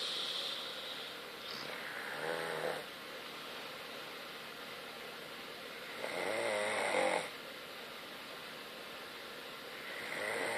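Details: Person sleeping: rattling, fluttering snores on breathing in, two clear snores about four seconds apart with a third beginning, steady background hiss; snoring.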